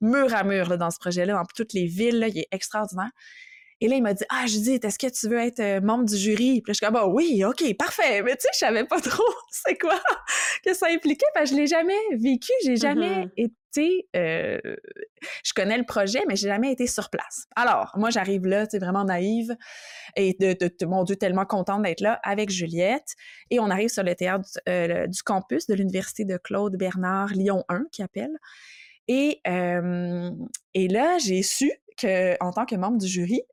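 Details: Adult woman speaking French; normal fluent speech.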